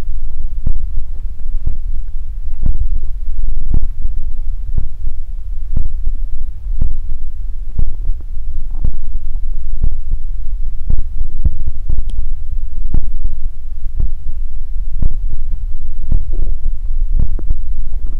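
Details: Close-miked stomach growling recorded for body ASMR: low rumbling and gurgling with irregular soft thumps, ordinary bowel sounds (borborygmi).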